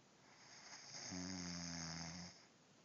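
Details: A person makes one rough, buzzing snore of about a second with a steady low hum.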